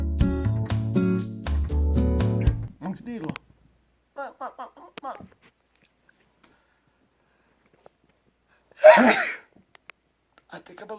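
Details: Brief music and quiet talk, then a single loud, explosive sneeze.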